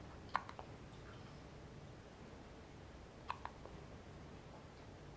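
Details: Hiccups.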